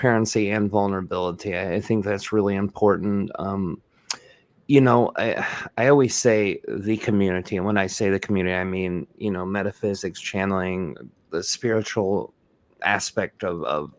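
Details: Adult male speaker; normal speech.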